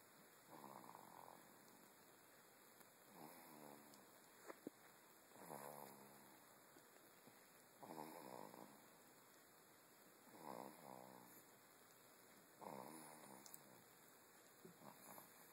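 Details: Regular rattling snores on each breath, about 26 a minute, with a quiet hiss between them; snoring.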